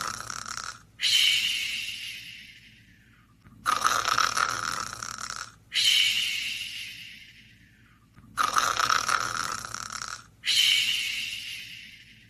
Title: Sox is tired snoring and softly cute